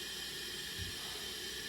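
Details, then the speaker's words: CPAP demonstration for congestive heart failure exacerbation or flash pulmonary edema: steady airy oxygen hiss through the mask at 12 L/min with PEEP about 5, straight CPAP, during a seal check for leaks. "Uh and now what we want to do is we want to check the seal. I want to make sure that there is no oxygen escaping on the side of the masks."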